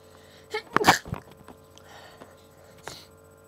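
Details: Person with an allergy flare-up gives a quick breath in, then a short sneeze, stifled to avoid waking a sleeping roommate, over faint room hum: a quiet sneeze.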